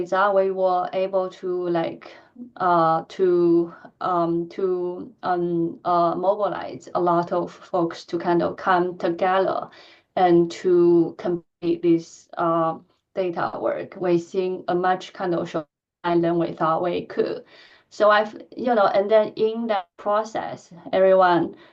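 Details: Adult woman who stutters, speaking during a lecture; she says her stuttering pattern varies with the listener and the situation; finding: stuttering.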